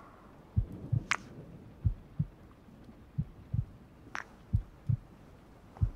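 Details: Slow, steady lub-dub heartbeat at about 45 beats per minute with soft rain ambience, used as a heartbeat sound in a furry ASMR roleplay of cuddling during a thunderstorm.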